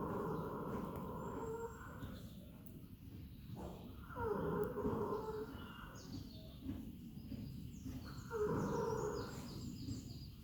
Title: Tia snoring